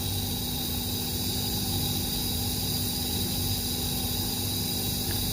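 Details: Nebulizer compressor running while a young child with a cough is nebulized: steady, continuous mechanical hiss and low hum without pause.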